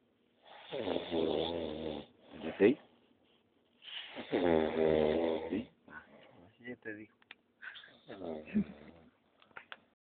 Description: Al chile no se quien ronque asi